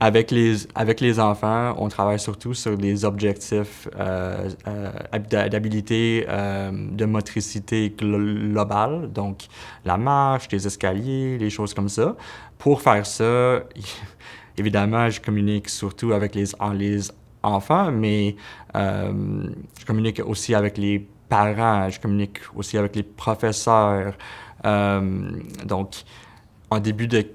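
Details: Adult man who stutters, speaking French, with moments of disfluency including repetitions; real stuttering.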